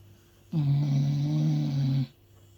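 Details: Loud, deep droning snore of about one and a half seconds from a sleeping dog; heavy snoring.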